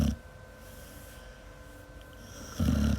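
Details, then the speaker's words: Loud, low rumbling snores from a dog sleeping deeply, two bursts about two and a half seconds apart, over a steady background hum: snoring. "Lulu is snoring. She's out cold. That's funny as hell. She gets really loud too, guys."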